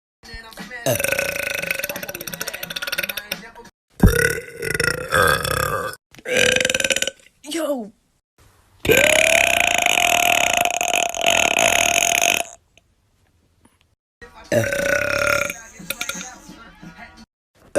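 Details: Repeated loud, long, drawn-out belches with brief gaps between them; burping.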